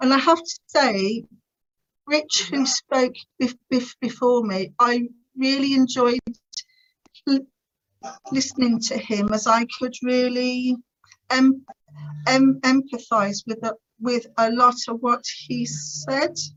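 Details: Adult woman's stuttering (stammer) since about age three, described as uncontrollably bad, with teenage years when she could hardly put two words together; later attended the Starfish Project speech therapy course to gain control.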